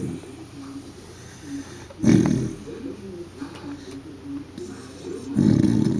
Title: SNORING